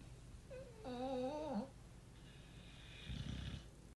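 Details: Two American Bully dogs sleeping and cuddling after morning walks, snoring with a wavering whistled breath followed by a softer low rumbling snore.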